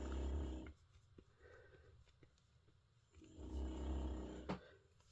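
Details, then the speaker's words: Pet dog snoring: two deep, rumbling snores separated by a quiet pause, with faint room noise between them. "That is not me, you can hear snoring. It is not Andy, he's out shopping. Today we have our Princess Lexi up here."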